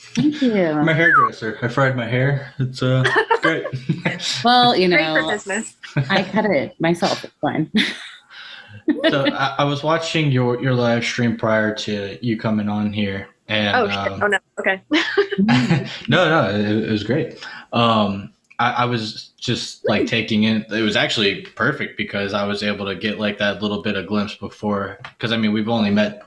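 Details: Two adults in conversation; ordinary conversational speech.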